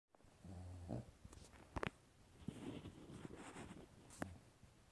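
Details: Quiet, low rattling snores from a sleeping dog, one early and one near the end, with soft breathing and small clicks between; dog snoring.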